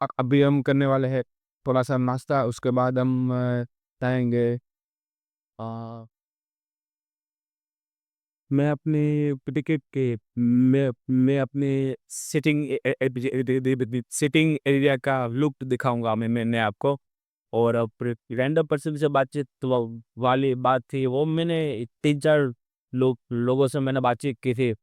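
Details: Real stuttering (stammering) in a male vlogger on day 27 of his stammering-control journey, using pausing and pacing techniques while speaking live on a ferry; a background-noise-removal filter altered his voice.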